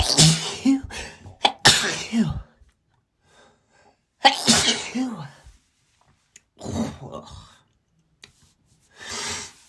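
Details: Person's allergy sneezing attributed to dogs: several loud explosive sneezes separated by pauses, with gasping intakes, snorts and a nose-blow: repeated sneezing bouts.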